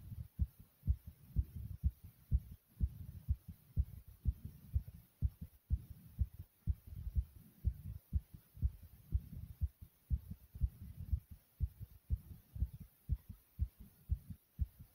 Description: My heart is beating really fast and hard here.